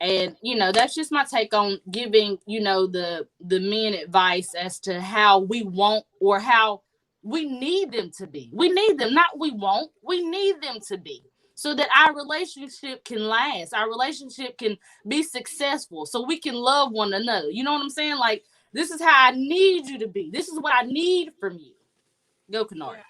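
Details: Adult woman speaking; Normal speech.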